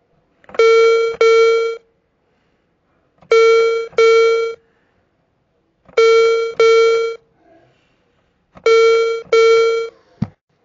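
Paired electronic chime tones repeat four times at steady intervals: a hearing aid's low battery warning.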